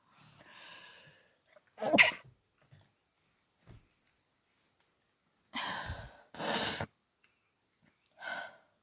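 A run of sharp sneezes with breathy in-breaths and a nose blow, in an allergic sneezing fit.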